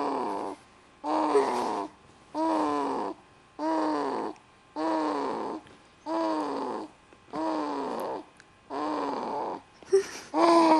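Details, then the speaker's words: Snoring, noisy for about five minutes, sounding out of breath: loud rhythmic rasping breaths, about eight in ten seconds with short pauses. "you've been making that noise for about five minutes i think he's all out of breath oh oh"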